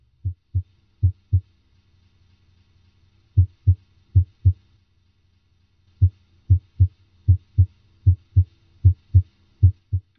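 Crisp, regular paired heart sounds, S1 then S2, about 77 a minute with no added sounds or murmur.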